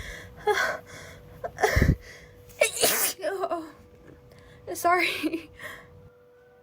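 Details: Acted girl sneezing rapidly after getting cold and wet in the rain, with a headache: several voiced sneezes in a row with gasping breaths between, over faint music; simulated.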